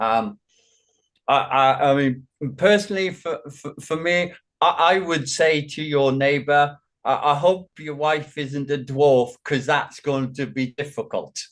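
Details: Man with Functional Neurological Disorder and foreign accent syndrome; voice returned after a bout of gibberish but speech still shows repeated words. Functional speech disorder with word repetitions (foreign accent syndrome).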